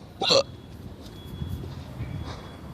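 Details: Repeated hiccups from a person talking while parking a car; hiccup.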